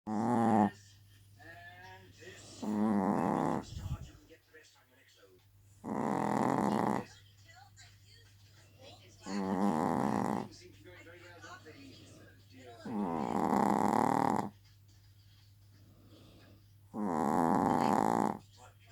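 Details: Chihuahua snoring loudly: rough, rattling snores in long bursts every few seconds, quiet pauses between, steady low hum behind.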